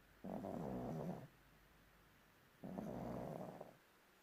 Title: Young Bulldog is snoring Młody Bulldog Chrapie 🤣🤣